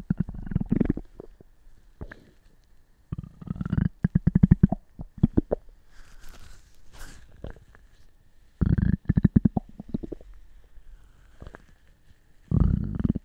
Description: An epic five-and-a-half minute long gut-bustin session, courtesy of the 2021 tummy year!